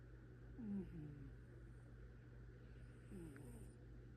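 Two soft, low, rumbling breath sounds about three seconds apart over steady room hum; gentle snoring from a sleeping cat.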